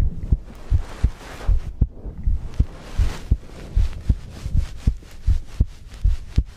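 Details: Steady, low, thumping heartbeat recorded as ASMR with breathing, about 77 beats a minute, with a soft breathing hush in the background.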